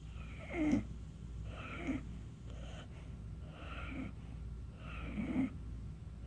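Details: Short snorting snores with a whistling edge, about one each second, then quieter breaths, from a sleeping dog that wakes herself up with her own snoring.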